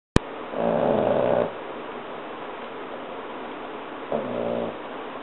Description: Our 3 1/2 month old French Bulldog snoring her head off.